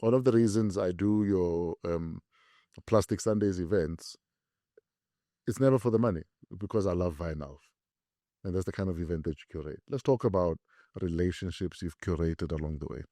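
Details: Adult man speaking; normal speech.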